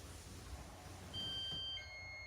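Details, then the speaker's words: Steady room noise, then a high electronic tone shifting pitch: the zone 2 bed exit alarm of a Prius Ai1 hospital bed, triggered by a 50% weight shift as someone prepares to get out of bed. "So it's at when somebody's getting ready to get out of bed, that's when the alarm will trigger. So I'll demonstrate that here."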